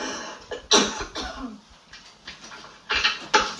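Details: Adult female newsreader's live on-air coughing fit, about five dry forceful coughs, after which she says she can't speak.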